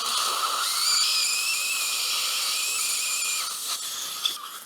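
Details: Middle-aged man, lower full-mouth implant surgery with immediate loading: surgical drill preparing first premolar implant site near mental foramen, up to 4.0 mm final drill, steady high-pitched whine with hissing irrigation spray.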